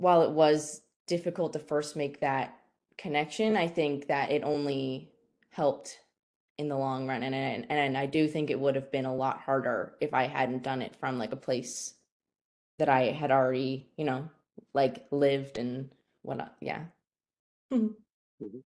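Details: Stuttering in a woman, a student who describes herself as someone who stutters.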